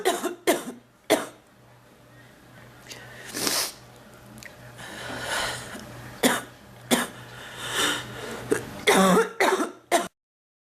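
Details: Repeated harsh coughing, about eight bursts with breathing and throat clearing between; persistent cough in an adult woman still unwell after bronchitis, complaining of chest discomfort and wanting to stop coughing.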